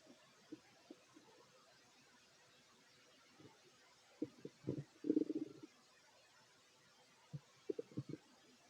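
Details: Fit adult male's stomach growling while eating: soft low gurgles and a short rumbling growl over faint hiss; normal borborygmi.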